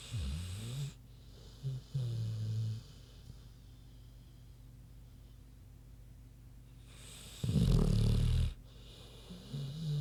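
Low, rough grunting snores in uneven bursts with a steady background hum; an animal snoring in sleep.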